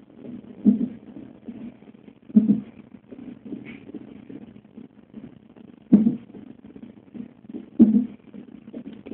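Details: Fetal hiccups at 34 weeks recorded during a non-stress test: louder muffled thumps about every second over a soft whooshing background and a quiet fast fetal heartbeat near 145 beats a minute.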